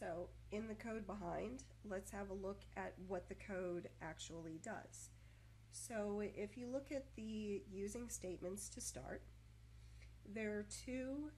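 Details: Adult woman speaking; stuttering.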